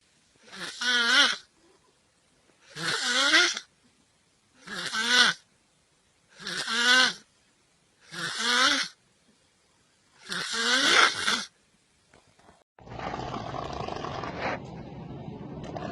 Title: Funny Snoring Sound